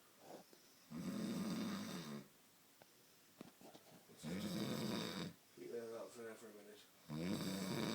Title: Snoring through a fart